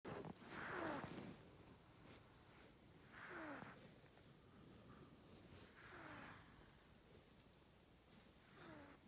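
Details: Soft, irregular snoring breaths from a sleeping cat, about 23 a minute, with faint outdoor noise; ordinary snoring.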